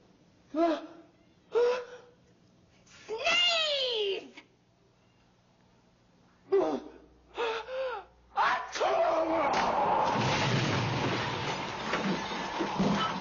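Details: A man's big sneeze from a mid-1970s episode of The Electric Company: several sharp catching in-breaths and drawn-out voiced gasps building up, then released as a long noisy sneeze blast.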